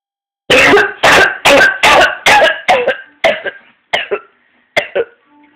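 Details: 14-year-old with paroxysmal cough causing vomiting, color change and fainting, with a high-pitched inspiratory whoop: rapid run of about a dozen harsh coughs without a breath between, fading toward the end.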